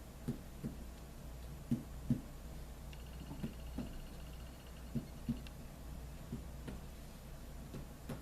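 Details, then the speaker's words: Abdominal percussion during an abdomen assessment demonstration: soft, short finger-tapping thumps with a hollow, tympanic quality indicating air underneath. "so you listen for different sounds listen this is hollow underneath"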